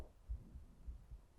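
Soft, regular low thumps under a faint continuous rumble. A cat's heartbeat with purring, normal.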